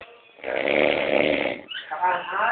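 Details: An adult man snoring: one long, loud, rough buzzing snore followed by a rattling breath.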